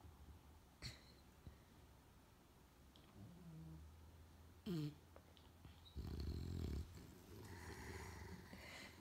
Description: Cutie, my English Bulldog, is using my daughter as a pillow, and is sound asleep, snoring so peacefully (we thought this was funny).